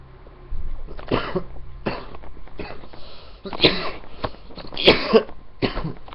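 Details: Tormenting cough recorded on webcam: a run of harsh, repeated coughs, about six bursts in six seconds, with throat noise between them; a persistent, troublesome cough.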